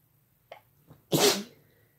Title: Some talking then lots of Sneezing (F+M)